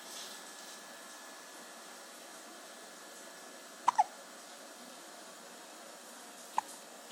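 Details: Three short, sharp hiccup clicks, two close together and one a few seconds later, over steady background hiss, within a yawn-hiccup-sneeze sequence.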